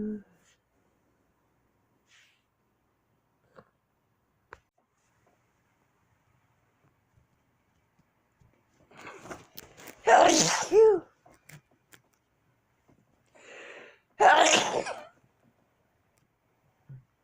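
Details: A person's own sneezes collected over a week: mostly silence with two bursts, each a short inhaled build-up and a sharp explosive release; two sneezes.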